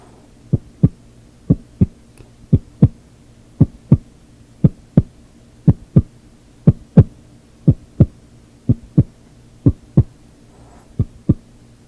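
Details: Regular paired heart sounds at about 60 beats a minute over a faint hum, no added sounds, in a simulated role-play exam heartbeat check; normal heart sounds.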